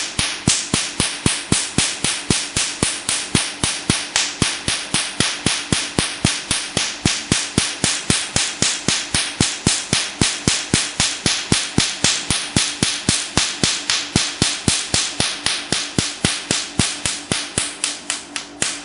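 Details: Rapid, regular, sharp snapping clicks, about 230 a minute, with a faint steady hum: a Q-switched Nd:YAG laser firing during a "black doll" skin treatment, with the patient saying it hurts but is bearable.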